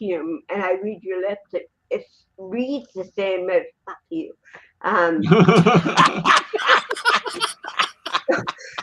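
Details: Adult woman, an actress and comedian, with cerebral palsy since birth in 1956, in real unscripted speech: dysarthria (cerebral palsy).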